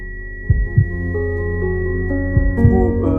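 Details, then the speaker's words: Simulated pulsatile tinnitus: a heartbeat-like sound heard in the ear, caused by narrowing of the brain's main veins; paired thumps partly masked by soft background music and a steady tone. "de beynimizdeki ana toplar damardaki darlıklar sebebiyle oluşan bir kulakta duyulan kalp atışı sesi. Buna pulsatil tünlü diyoruz."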